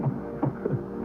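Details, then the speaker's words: Normal fetal heartbeat on Doppler ultrasound during a prenatal visit: quick rhythmic whooshing pulses with music underneath. "show you the fetal heart and we'll turn on our little so far everything looks good turn on her audio"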